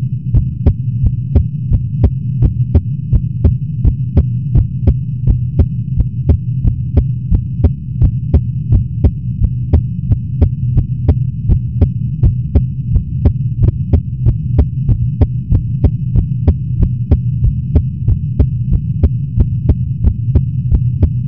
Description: I pretty much just recorded my heartbeat once I woke up. It's a little fast.